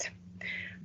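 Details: Demonstration of how a child who stammers might prolong sounds; stuttering prolongation.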